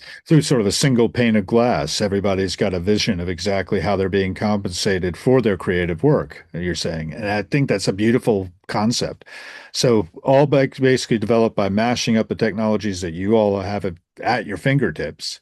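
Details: Adult male speaker; normal voice.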